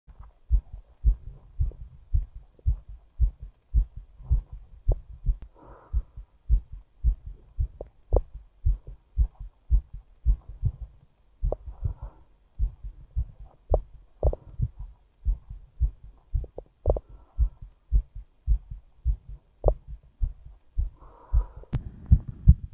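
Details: Fast, regular low heart thumps at about 110 a minute; a rapid heartbeat (tachycardia).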